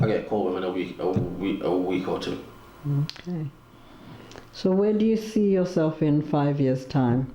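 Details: Adult speakers in a small room; normal speech.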